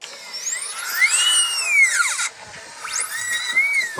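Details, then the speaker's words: Dental drill recorded inside the mouth at the orthodontist while attachments were scraped off teeth: high whining drill with sweeping pitch, then gurgling suction hiss. "DAS IST DAS GERÄUSCH, DAS MAN HÖRT, MAN HÖRT AUCH DEN BOHRER, DER AN MEINEN ZÄHNEN SCHLEIFT. KEIN GUTES GEFÜHL."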